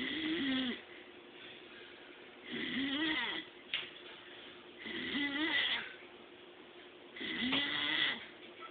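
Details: Man who does not believe he snores, recorded asleep on day 2: regular rattling, whistling snores about every 2.4 seconds, roughly 25 breaths a minute, with quiet pauses between.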